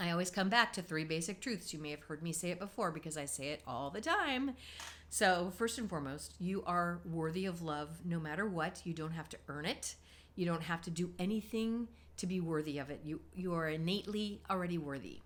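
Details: Adult woman; normal speech.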